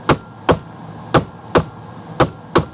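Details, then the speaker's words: Simulated normal heart sounds, crisp paired lub-dub S1 and S2 in regular rhythm at about 57 beats a minute, played as the normal reference before adding an S4, which is heard before S1. "Let's remember S1 and S2. Let's go."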